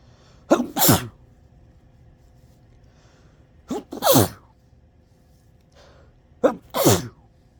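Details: Three sneezes, each a short sharp intake followed by a forceful explosive burst, over a quiet low hum.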